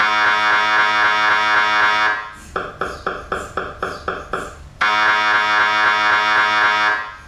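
Loud machine sounds: a steady droning buzz, then a stretch of rapid rhythmic knocking, then the drone again. These are typical scanner noises during imaging.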